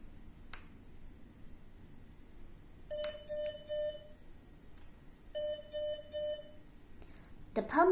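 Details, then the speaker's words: MedRena UniFusion VP-series infusion pump switched on by pressing the power button: two short series of electronic start-up beeps after button clicks in a quiet room. "First Step switch on the palm press the power button 40 seconds to turn on the pump"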